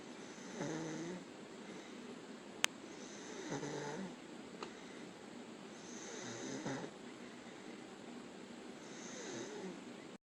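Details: Patient asleep during a 24-hour video EEG done to check for seizures: soft, regular snoring breaths with a light nasal rattle, about four cycles in ten seconds, over quiet room hiss.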